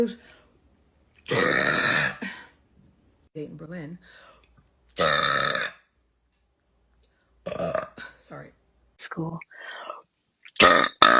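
A series of loud, long, deep belches with pauses between them, followed by a few shorter ones: deliberate repeated burping.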